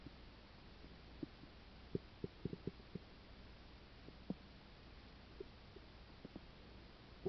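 Quiet steady hiss with scattered short gurgles and pops from the belly, active bowel sounds linked to a stomach ulcer.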